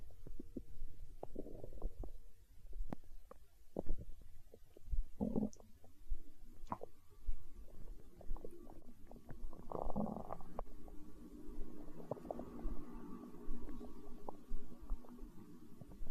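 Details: Stomach growling (borborygmi) recorded for ASMR, tagged as hunger sounds: deep, drawn-out gurgling rumbles and squelches from the belly as gas and fluid move through the gut.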